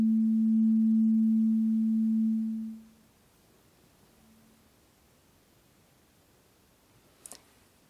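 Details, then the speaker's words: Simulated ASMR audiologist hearing-frequency role-play: tuning fork number seven of eight, slightly higher in frequency, is played to the second ear. A steady pure tone fades out, then quiet and a soft tap. "we're going to start with the lowest frequency I'll strike the tuning fork play it to one ear and then again plate to the other and I'm looking for you to tell me how it sounds"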